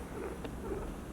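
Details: Female guinea pig on day 1 of treatment, with harsh respiratory sounds, described as loud wheezes and panting: faint, thin squeaky tones over quiet breathing with one brief click; abnormal wheeze.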